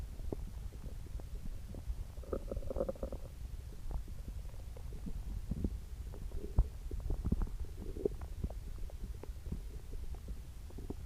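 Low rumbling and short gurgles over a steady low hum; stomach growling with an upset stomach.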